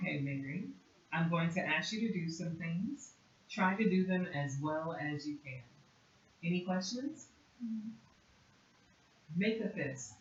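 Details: Adult clinician; typical speech.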